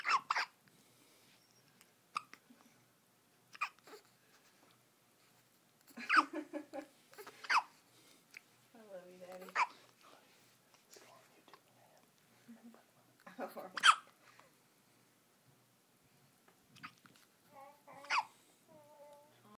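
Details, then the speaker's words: 6-day-old twin infants with short, sharp, catching hiccup sounds repeating every few seconds, mixed with soft babbling and coos in a quiet room; synchronized infant hiccups. "and there are more of those too synchronize hiccups mom your premonition may be right"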